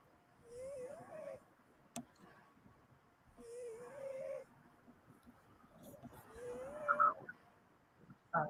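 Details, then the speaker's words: Snoring from a sleeping pet: three soft, whistling snores repeating about every two and a half seconds. "oh it's such a cute noise can you hear put the mic Newland oh so we get all he restores"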